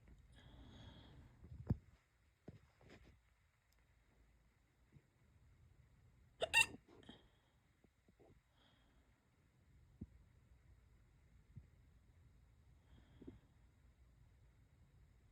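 Brief, sharp hiccups in a quiet room, several over about fifteen seconds, at irregular intervals.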